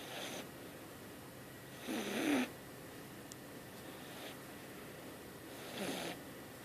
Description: I thought my bf wad snoring I got up checked but it was my cat!